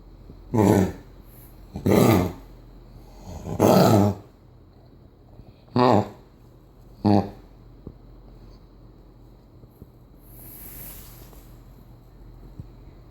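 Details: Dog with kennel cough gives five harsh, honking cough bursts in a quiet room.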